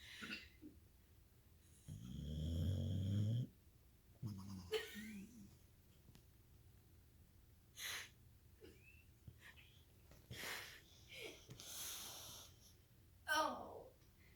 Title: Senorita Snore-y face